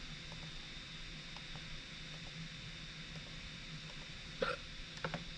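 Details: A quiet room with a few short, abrupt throat clicks late in the clip: recorded hiccups with no speech.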